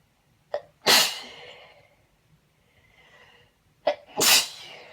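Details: Uncovered, unedited sneezes from a female: two sneezes, each a quick in-breath followed by a loud, explosive burst.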